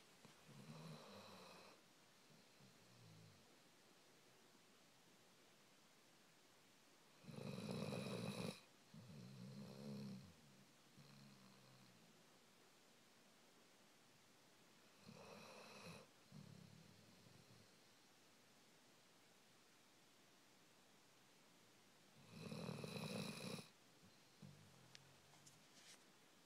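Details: A 2.5-year-old Labrador snoring while asleep as the big spoon: loud, rattling snores, each followed by a softer exhale, about eight breaths a minute.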